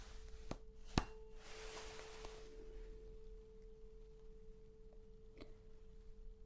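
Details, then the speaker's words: Roleplay hearing exam, Weber's test for suspected left-ear hearing loss: a struck tuning fork placed on the center of the forehead gives a steady pure ringing tone that slowly fades; the patient hears it more on the right. "and you'll be able to hear the vibration. Okay, so I'm going to ask you if you can hear the vibration equally on both sides, or if you can hear it in one side or the other side, or if you perhaps cannot hear it at all."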